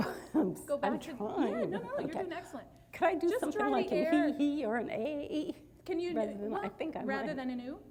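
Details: Mixed adductor and abductor spasmodic dysphonia of about thirty years in an adult woman with only partial relief from Botox and a current cold; breathy abductor and tight adductor voice breaks specific to certain sounds.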